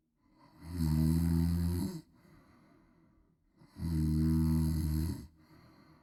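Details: Adult woman snoring loudly, a sound effect: two loud, rumbling inhaled snores, each about a second long, with quiet breathing between, at about 19 breaths a minute.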